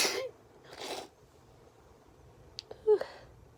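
A sharp, forceful burst of air, then a weaker second burst and a small vocal sound; a sneeze.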